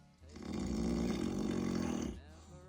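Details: Very loud snoring during a power nap: a single loud, rough, rattling snore of about two seconds on an in-breath.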